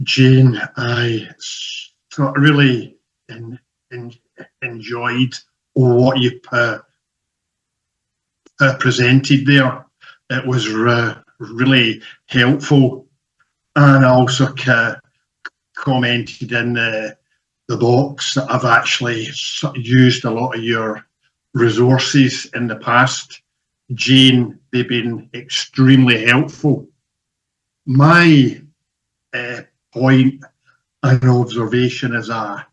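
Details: Male audience member who stammers, speaking during a Q&A at a StutterFest 2024 presentation; stuttering.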